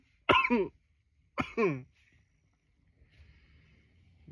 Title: nearly 10 minutes of coughing